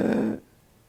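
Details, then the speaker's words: Imitated laryngospasm, vocal fold spasm shutting off air during abrupt, frightening breathing difficulty: a brief, strained, tight voiced gasp of about a third of a second, then silence; stridor. "one simply wants to breathe normally but instead the vocal fold spasm to close the vocal folds air is shut off completely and the person makes a funny noise like"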